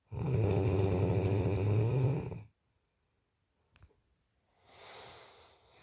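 A loud, low, rattling snore on the breath in lasts about two seconds, followed by quiet and a softer breath out. Snoring.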